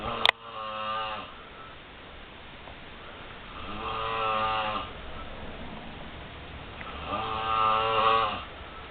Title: my roomate snoring lol